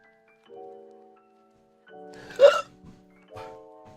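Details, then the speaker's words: A single sharp hiccup, a brief involuntary gulp, over soft background music; the person says the hiccups came from drinking water. "I got hiccups. Did you guys hear that? That was a hiccup."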